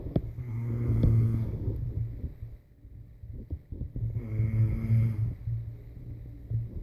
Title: Me snoring